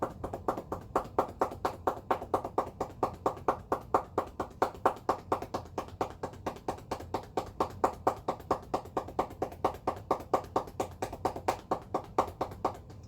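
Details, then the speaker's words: Demonstrated chest physical therapy for mucus build-up in COVID-19: cupped-hand percussion over posterior apical segments of the upper lobes, patient slumped forward over a pillow; rapid, steady hollow claps about 130 a minute, done 3–5 minutes. "And whereas we were up here, now we're just moving slightly down. So same thing, cupped hands."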